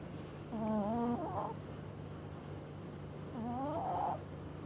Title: denger?? pake headset#anabul #cat #catshorts #kucing #kucingshorts #snore